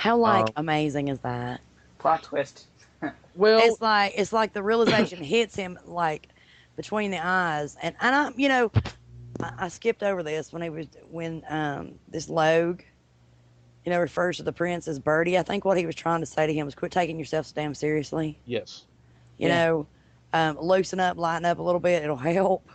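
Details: Adult woman speaking; typical fluent speech.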